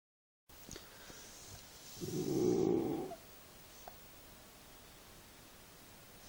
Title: Snoring bullmastiff (Mash)